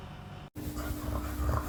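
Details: Stertor in a flat-faced (brachycephalic) dog with respiratory distress, attributed to an overgrown soft palate: low, rumbling snorting breaths.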